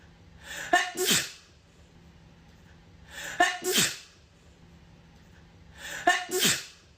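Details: Adult Black woman's sneeze: one sharp sneeze, a quick inward breath then an explosive burst, repeated identically three times in a loop.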